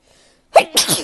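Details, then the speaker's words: One sharp, loud sneeze with a quick breath in then a forceful burst out in a quiet room, from someone sneezing after going outside in spring; sneeze. "it definitely feels like spring is in the air things are just making me sneeze a lot"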